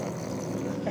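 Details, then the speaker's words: Recording of an adult sleeper's snoring, described as really loud: loud, rough, low rattling buzz during breathing; snoring. "Là bien. Oh, franchement, c'est vraiment fort. Heureusement que je prends pas les tiens, moi."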